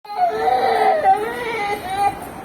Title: crying